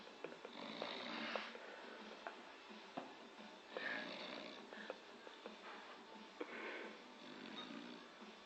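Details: A man who passed out on a couch, snoring in a quiet room: soft, irregular rasping breath noises recurring every few seconds; light snoring.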